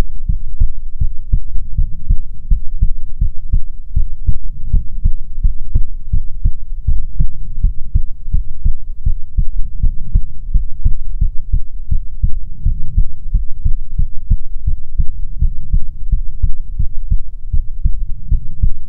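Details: ASMR heartbeat recording, presented as soothing heartbeats from a female persona: steady, deep, muffled double thumps, about 80 per minute, regular throughout; normal heartbeat.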